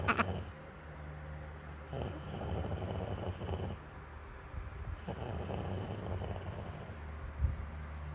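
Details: Sleeping person snoring during lockdown: low, rattling snores with each breath, about every three seconds, over a faint steady background hum.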